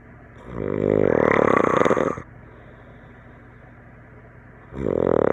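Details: Adult snoring during sleep after a campfire and some drinks, filmed by a friend and likened to a tree frog or alien: loud, rattling snore on the in-breath, then a quiet pause before the next; snoring.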